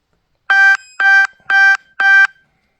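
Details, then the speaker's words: Insulin pump alert: four evenly spaced electronic beeps, about two per second, sounding while the wearer torques pistons into an engine block. "it's my insulin pum again okay beat"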